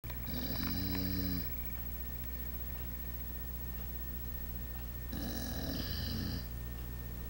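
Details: Two loud, rough snores from a sleeper, each on an inward breath with a low rattling buzz, separated by a quiet pause over steady room hum; snoring.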